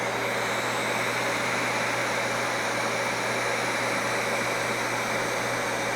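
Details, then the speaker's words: Fraxel non-ablative fractional laser facial rejuvenation on a male patient after numbing cream: constant loud hiss of cold-air skin cooling with steady machine hum as the handpiece glides over skin. "e bit of cold air just to make it a bit more comfortable for the patient during the procedure as well so this laser hand piece here glides along the skin and it will only fire when it is contact with skin and the foot pedal is depressed"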